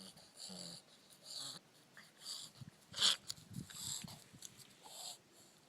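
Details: Female dog after rhinoscopy, going from sneezing to repeated short, hissing, snorting breaths in quick bursts; reverse sneezing.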